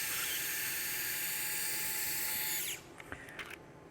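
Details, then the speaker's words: Surgical drill during a plantar plate repair, drilling a Trushot suture anchor into the base of the proximal phalanx, angled slightly distal and inferior: high-pitched whine for about 2.5 seconds, then stops with a few clicks. "So this is right in the base of the proximal phalanx. I angle a little distal, a little bit inferiorly, and we're just going to drill it in."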